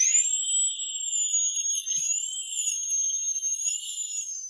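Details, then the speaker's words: Dental implant drilling with a small 8 mm drill at raised speed to penetrate hard alveolar jawbone, a continuous high-pitched whine wavering slightly in pitch; dental implant drill. "刚开始钻孔要选择8毫米的小钻头，为了穿透坚硬的牙槽骨，医生调高了钻头速度，一切准备就绪，钻孔就开始了。"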